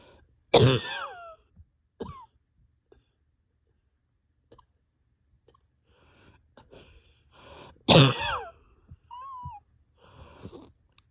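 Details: Adult coughing at home with pain deep in the chest and stomach, awake over 32 hours, bronchodilator not helping: two loud, harsh, deep, forceful coughs, each followed by quieter throat noises and breaths in a quiet room.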